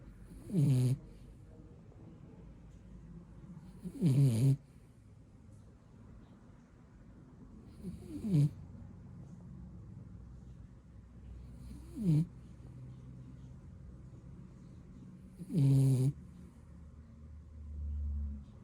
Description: JoJo Taking A Nap And Snoring #Dog #BlueBeaglePuppy #Beagle